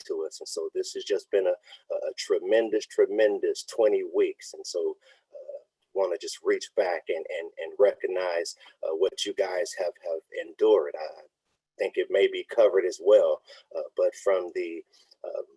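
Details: Man who says he has a speech impediment, with a cause he states that is unintelligible in the transcript; real, unacted speech at a live online event: speech impediment (disfluent speech).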